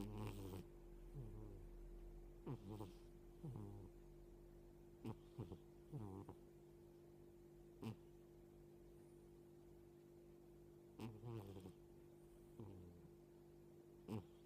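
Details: A 13-year-old cat snoring loudly while asleep, with short, low, honking 'boo' snores, some in pairs, over a steady background hum: snoring.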